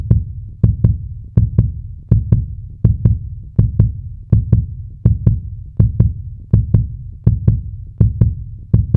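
Regular paired lub-dub thumps at about 80 beats a minute, a sound-effect heartbeat.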